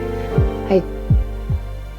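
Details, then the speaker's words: Fetal heartbeat heard by a pregnant woman during an ultrasound, her daughter's heart: rhythmic whooshing thumps over background music. "And as soon as I heard my daughter's heart beating,"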